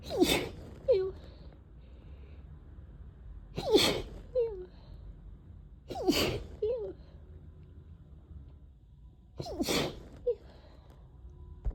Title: harsh stifles ➡️ desperate sneezes